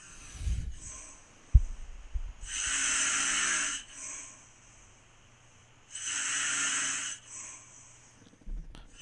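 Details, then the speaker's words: Adult's own loud habitual snoring recorded overnight by a snore-monitoring phone app (snore score 200, snoring 78%): two loud, harsh, fluttering inspiratory snores about 3.5 seconds apart with quiet breathing between; speaker mentions sleep apnea risk. "let me play you a little bit of my snoring oh yeah here was epic"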